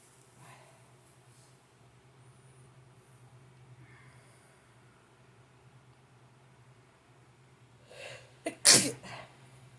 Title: Blowing nose and sneezing